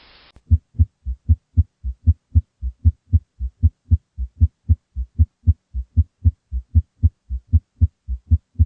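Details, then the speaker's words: Teaching example of a summation gallop, heard best at the apex with the patient supine or in left lateral position: S3 and S4 fuse at fast rates into a short, low-pitched mid-diastolic sound, a three-beat galloping rhythm at about 75 beats a minute. "heart sound components s3 and s4 fuse during fast heart rates creating a short low-pitched mid diastolic sound between s2 and s1 known as a summation gallop it is an intense easily heard sound that resembles the sound of a galloping horse that is best heard at the apex"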